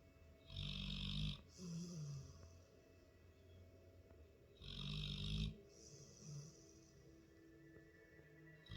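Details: Labrador dog asleep on the couch: two loud, low rattling snores about four seconds apart, each with a softer wheezy tail, over faint background music.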